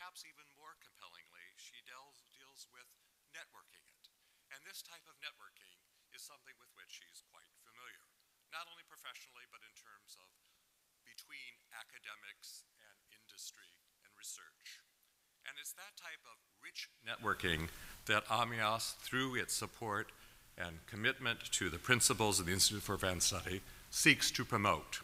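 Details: Adult male speaker; Normal speech.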